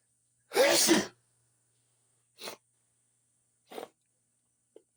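One loud, explosive sneeze followed by two short sniffs through the nose.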